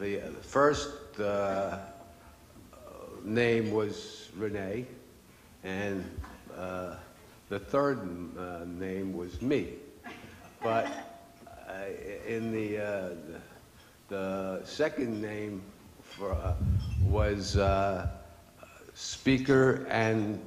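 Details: Speaker at an aphasia fundraiser, apparently a stroke survivor; which of the people with aphasia described at the event this is remains unstated. Aphasia.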